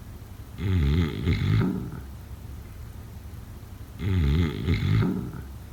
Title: Snoring sounds…